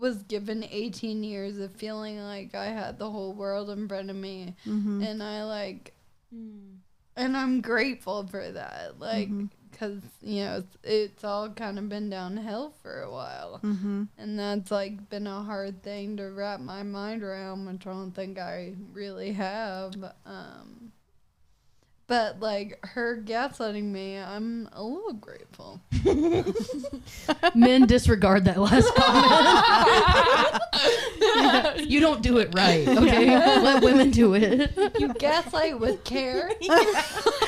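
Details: Ataxic dysarthria in a 26-year-old woman with Friedreich's ataxia, a progressive genetic disease; also affects gait.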